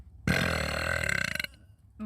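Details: A girl's single long, loud burp ending in a rattling flutter, from a TikTok burp compilation; deliberate burping.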